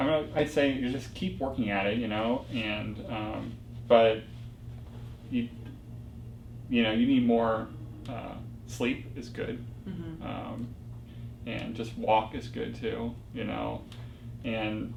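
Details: Young adult man with global aphasia after a stroke 4 years ago, progressing from severe non-fluent aphasia with slow ongoing recovery; non-fluent aphasia.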